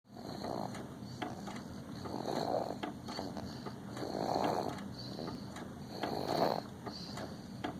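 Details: Snoring in a 7½-month-old infant: regular rasping, fluttering breaths about 30 a minute, each with a rough rattle on the in-breath.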